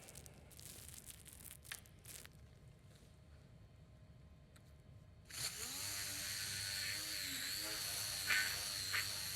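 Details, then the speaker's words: Quiet operating room noise, then a steady high-pitched whine of a surgical burr cutting bone at the base of the first metatarsal, rotation switched counterclockwise for quadrant two, during minimally invasive percutaneous Lapidus bunion surgery. "Now at this point I'm going to switch the burr rotation to counterclockwise as I do quadrant two, which would be opposite the direction of travel."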